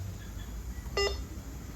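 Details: Wellcare infusion pump starting an infusion: a single short electronic beep over low room hum.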